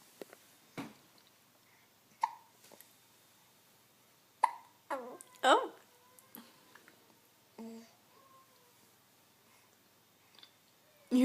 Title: with Hiccups